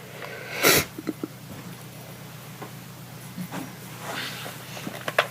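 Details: One sharp, explosive sneeze followed by small sniffs and snorts in a quiet room; sneezing.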